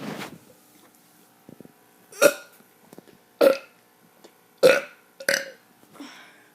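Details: A kid making four loud, deep burps a little over a second apart, with quieter sounds between them; voluntary belching.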